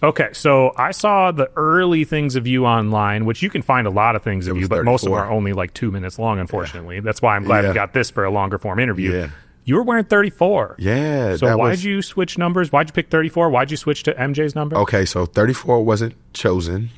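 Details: Adult men in conversation; normal speech.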